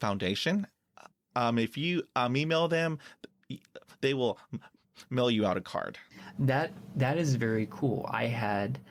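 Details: Stuttering in an adult man who has stuttered since childhood and says he uses filler words to get past blocks.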